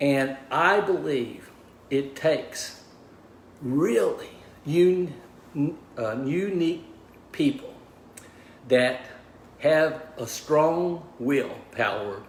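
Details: Aphasia after a stroke in a man of about 61 at onset, diagnosed 26 months earlier; initially unable to talk, write or communicate, now relearning speech, reports mixing up words and slowing down to avoid slurring.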